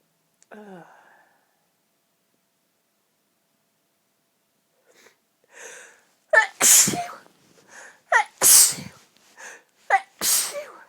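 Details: Rapid sneezing fit: short inward gasps, then three loud, forceful sneezes in quick succession, each with its own catch breath.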